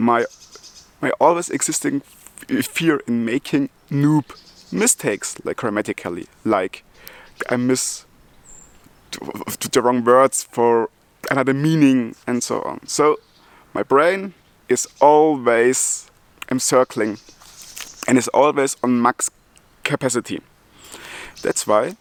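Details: Adult German man with multiple sclerosis who stutters, speaking English as his second language; he ties his stuttering to breathing and to the extra load of a foreign language; part-word and word repetitions; stuttering.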